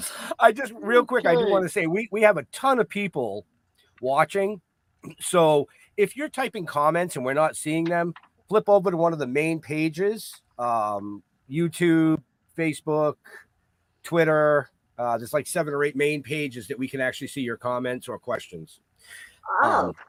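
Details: Adult speaker; normal speech.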